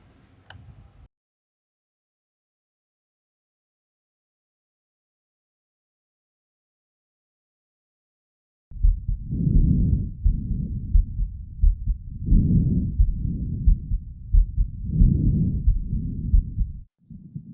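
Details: Vesicular breath sounds.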